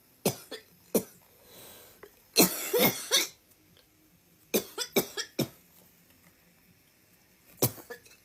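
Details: Compilation of coughs from different people on TikTok: bursts of sharp, dry coughs in short runs, with one harsher throaty spell.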